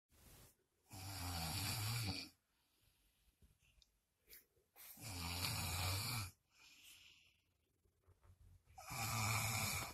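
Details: Loud, rattling snores on each in-breath, about 15 a minute, with quiet out-breaths between, from a person who denies snoring; ordinary snoring during sleep.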